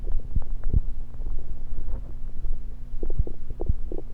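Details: Low gurgles and short bubbling pops from a person's own stomach, recorded while gulping Diet Pepsi, over a steady hum; bowel sounds.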